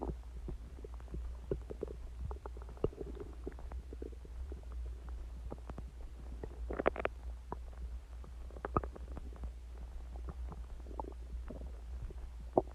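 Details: Active bowel sounds (borborygmi) recorded from the person's own stomach about an hour after eating eggs and ice cream and drinking Coke: frequent gurgles, clicks and bubbling rumbles loud enough to hear unaided.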